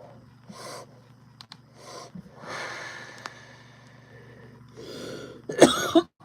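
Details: Adult smoking a THCA vape cartridge snorts, breathes in, lets out a long noisy exhale, then gives a couple of short, harsh cough bursts.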